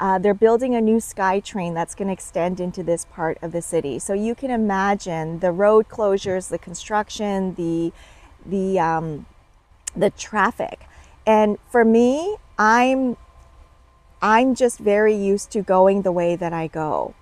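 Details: Adult woman speaking; Normal speech.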